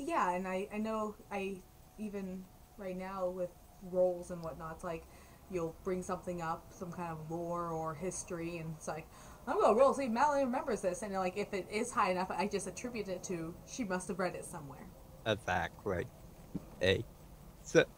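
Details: Adult woman speaking; normal speech.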